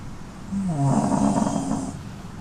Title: Watch our Beagle baby snoring peacefully, wrapped up in his soft dohar like a cute sleepy burrito🧣😴